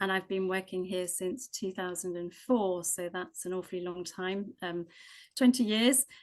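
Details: Adult woman speaking; Normal speech.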